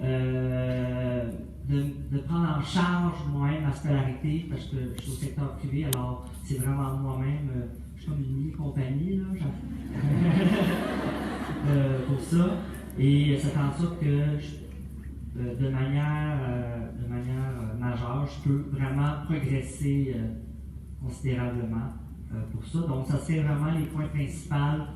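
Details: 28-year-old man with developmental language disorder (dysphasia), finishing secondary school, speaking at a conference; developmental language disorder.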